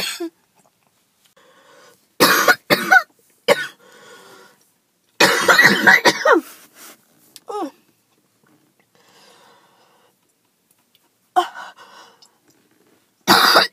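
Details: Choking, hacking cough: harsh bursts with strained voiced gasps from an adult after skipping breathing treatments.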